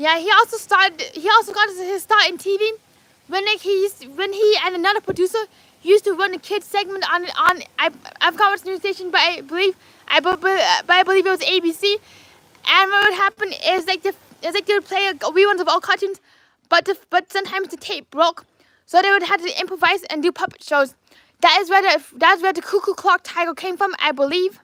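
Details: Adult man with lifelong apraxia of speech, diagnosed at age four: apraxia of speech.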